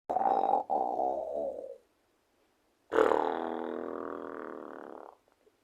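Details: Person snoring: two long, rough, rattling snores, each a second or more, separated by a quiet pause; loud snoring.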